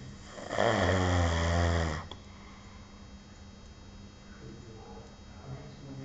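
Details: Person asleep on duty snoring: one loud, low, rattling snore lasting about one and a half seconds, then quiet breathing with room noise; snoring.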